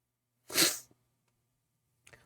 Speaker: Why do you say that me sneezing is is it being blessed? How does that even work?